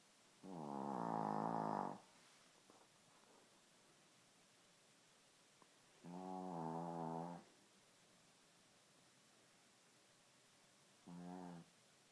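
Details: Shih Tzu snoring: three buzzing, tonal snores spaced a few seconds apart in a quiet room.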